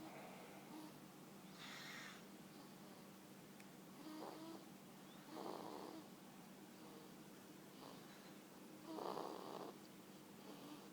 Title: Baby snoring